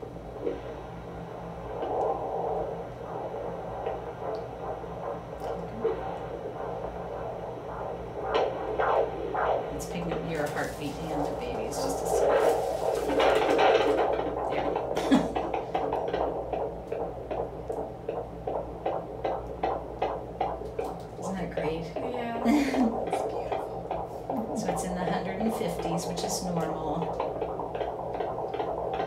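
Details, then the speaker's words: Fetal heartbeat on a prenatal Doppler at a 20-week pregnancy appointment: rapid, rhythmic whooshing pulses, about 150 beats per minute. "I had heard the baby's heartbeat before but each time hearing the heartbeat is just so so special"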